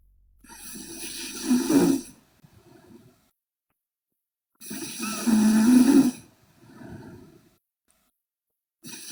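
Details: Sleeping girl snoring loudly: loud, rattling snores on each inward breath, about 15 breaths a minute, with softer outward breaths between.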